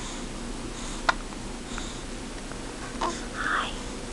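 Two brief, sharp catch sounds about two seconds apart in a quiet room: infant hiccups.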